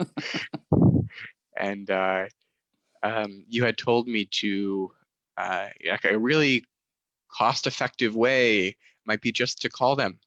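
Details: Stuttering in a young adult male master's student who describes himself as a proud person who stutters.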